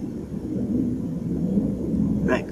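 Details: An 88-year-old woman demonstrating an imitated, very low-pitched sneeze: a deep, drawn-out rumbling voiced sound ending in a brief burst, with faint room noise.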